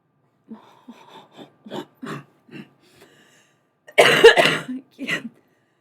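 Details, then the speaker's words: Run of small throat-clearing coughs, then one loud, harsh cough burst, during a live stream; a lingering dry cough that has ruined the voice and leaves the speaker barely able to talk, laugh or sing. "I'm fine it's literally just the cough it's it's more irritating than it is alien at this point"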